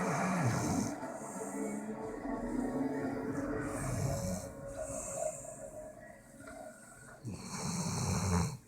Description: My dog snores loud. I shot this video after he fell asleep on my lap.